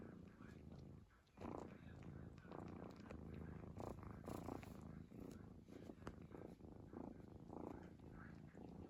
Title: 5min cat snoring straight